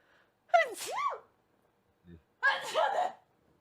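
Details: Two ordinary sneezes, each a quick inhaled catch then voiced burst, with a short sniff between, from a person who announced needing to sneeze while streaming a video game.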